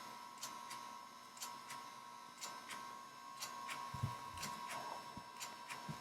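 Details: Potenza RF microneedling treatment of a patient's skin by a dermatologist: soft, regular clicks about every second over a steady electronic tone and faint room noise, matching the device's pulses.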